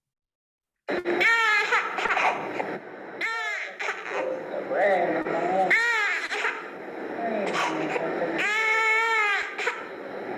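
Repeated distressed infant cries with noisy, harsh intakes between them, in keeping with stridor from a subglottic hemangioma.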